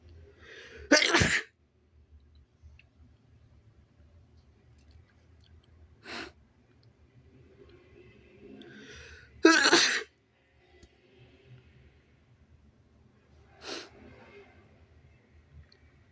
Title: inducing paper tissues to make myself sneeze (he/they)